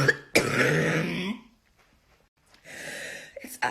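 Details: Woman with Covid-19 in intensive care, struggling to breathe: a harsh, forceful cough burst, a pause, then a long, noisy, effortful breath; cough with laboured breathing.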